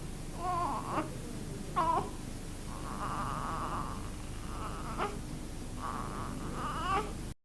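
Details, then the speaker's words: Infant, possibly asleep, with short voiced grunts between noisy, snuffly breaths, often normal in babies as small airways are prone to transient obstruction by saliva or milk; infant grunting / noisy breathing. "Granting ini adalah suara pada nafas seperti pernafasan periodik wheezing, granting espriotik saat tidur, ataupun melengkur seringkali normal pada bayi karena ukuran saluran nafas yang lebih kecil rentan mengalami obstruksi transier seperti tertutup saliva ataupun sisa susu."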